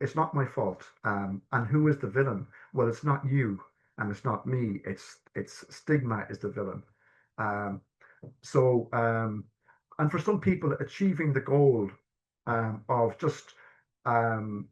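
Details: Adult man stammering since childhood, with early repetitions that became severe blocks at age 12, and secondary behaviours such as "um", restarting, coughing and filler words; he has had stammer-affirming therapy; stuttering (stammering).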